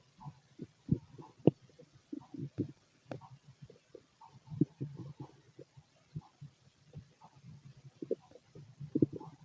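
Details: Stomach growling from a male during digestion: irregular low gurgles, rumbles and bubbling pops, typical normal bowel sounds.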